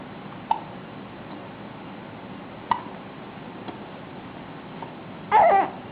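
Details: An infant in a bassinet makes sharp, brief hic sounds over quiet room hiss, two clear and a couple fainter, ending with a short vocal sound: hiccups.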